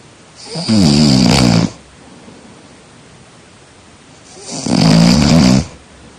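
Two loud, vibrating snores on breathing in, about four seconds apart, with quiet breathing between: loud snoring.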